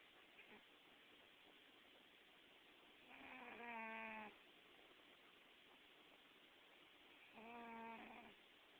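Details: Cat snoring while dreaming, paws moving: two soft, squeaky, tonal snores about four seconds apart over quiet room noise.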